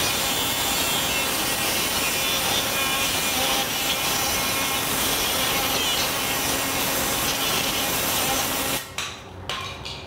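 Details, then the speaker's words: Steady high rasping whine of a powered bone saw cutting free-hand, though a guide is usually used, across the top of the tibia of a practice bone model. This removes the ACL in a simulated knee replacement demonstration. "Then we'll cut off the top of the bone. We typically use a guide to do this. I'm just gonna do this free-hand."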